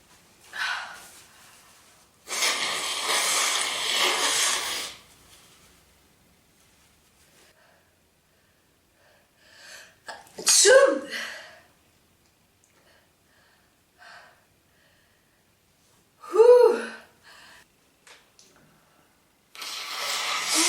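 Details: Woman with nose itching, during a long sneezing bout: a few breathy, forceful sneeze-like bursts with sharp intakes of breath, separated by quiet pauses.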